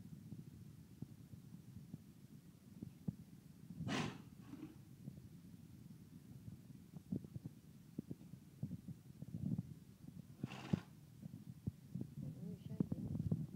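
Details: Two short, harsh cough bursts from a horse named Buddy on day 3 of his cough, over steady low rumbling background noise.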